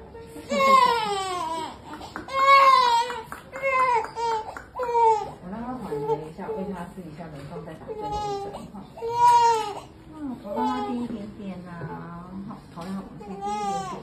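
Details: Toddler crying after a painful vaccination injection: repeated loud, high-pitched wails with gasping breaths between, a pain cry.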